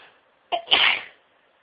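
A single sharp sneeze: a brief indrawn catch followed by an explosive hissing burst.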